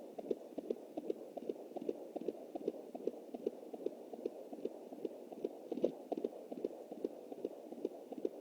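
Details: Fetal heartbeat at 20 weeks + 7 days of pregnancy, heard with a Jumper home Doppler through an anterior placenta; a fast galloping rhythm, distinct from placental noise and the mother's own pulse.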